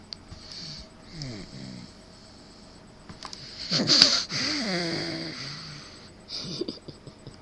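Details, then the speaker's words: Sleeping infant boy, about 7 to 8 months old, making noisy, tonal snoring breaths, one much louder and longer than the rest; snoring. "Say what you want. My son snores louder than me. Check this out."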